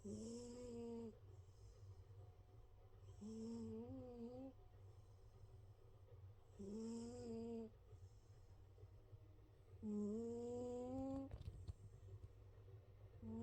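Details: Big male domestic cat sound asleep, soft whistling tonal snores with each breath, about 18 breaths a minute, over a steady low hum; snoring that gets louder.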